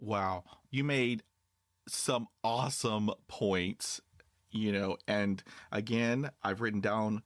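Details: Adult male speaker; fluent speech.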